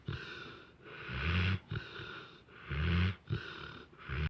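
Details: Very close recording of rhythmic snuffling snoring with a rough rattle on each breath, about 38 breaths a minute, heard right at the ear.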